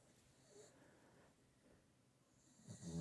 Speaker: Oh, that's not the dog. That's a cat snoring.